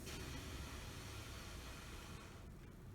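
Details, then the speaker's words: Nebulizer air compressor running with steady hissing, whooshing mechanical noise during a role-played (simulated) assessment of a patient with step three asthma, with nasal flaring and accessory muscle use, breathing through the mouthpiece. "all right plug it into our air compressor here you just put your mouth around the mouthpiece there"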